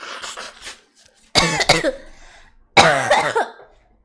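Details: Streamer sick with the flu: after a softer sniffly stretch with nose blowing, two loud, strained coughing bouts with a rough, hoarse edge.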